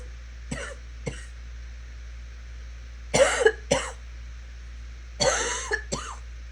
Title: Coughing continues